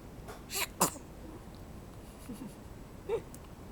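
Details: A dog sneezing: two quick, sharp sneezes close together, followed by a faint snort in a quiet room.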